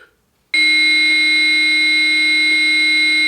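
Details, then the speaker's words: AED trainer in a simulated out-of-hospital cardiac arrest skills scenario, after "shock advised, charging": a steady, loud high-pitched tone starts abruptly and holds, the charged shock-ready alert before the shock button is pressed. "Shock advised. Charging. Everyone stand clear."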